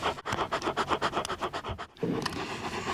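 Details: Home DIY scaling of an older 10-year-old yellow Lab's teeth without anesthesia: rapid, repeated short scratching strokes as heavy tartar is scraped from the upper teeth near the gumline with a hand pick, done to reduce bad breath.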